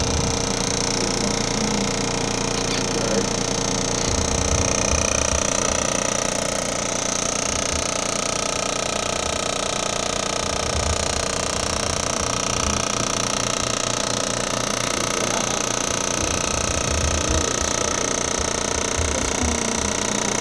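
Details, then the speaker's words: Woman after total hip replacement receiving vibration therapy on her calf before radial shockwave: loud, steady buzzing rattle with rapid pulses as the device prepares the tissue. "The vibration first gets this um the part of the body ready for like the other like shocking vibration part of it."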